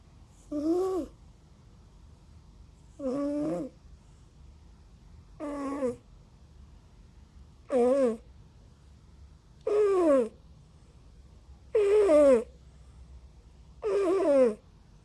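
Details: Snoring from a sleeping cat: seven short, rhythmic snoring sounds with a voiced, squeaky quality, about 28 a minute.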